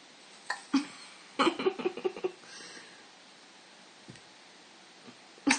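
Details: Hiccups of a 5.5-month-old.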